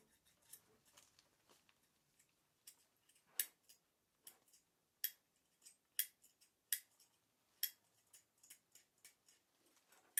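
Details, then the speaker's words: Simulated ASMR dental cleaning role-play for a nervous patient needing scale removal after a checkup: quiet, irregular, crisp scraping and picking clicks from hand scaling of an area with quite a bit of buildup. "this is one of the areas where there's quite a bit of buildup so you will hear some scraping and picking sounds"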